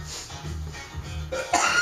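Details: An adult gives two sharp, harsh cough bursts after taking a dab, heard over a low hum from a machine shop downstairs and faint music.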